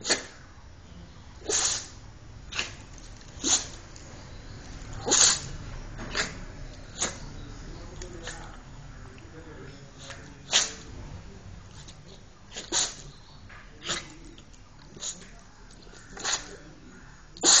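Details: Dog sneezing repeatedly, about fourteen short, sharp, hissing bursts in a quiet room.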